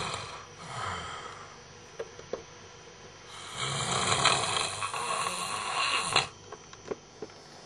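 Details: Loud, rough snoring from a sleeping adult man, with long harsh breath noises and brief snorts; he kept his companion awake all night. Snoring.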